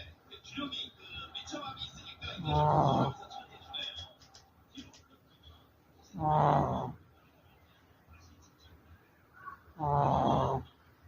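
Three loud, rough, buzzing breath sounds about four seconds apart over a quiet room with faint TV talk; snoring.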